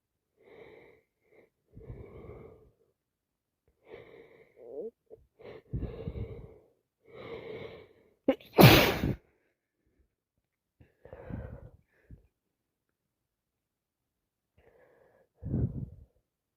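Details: A cold that has got worse: repeated sniffing and wet breathy inhalations, then one sharp sneeze and more sniffles, part of non-stop sneezing and sniffing.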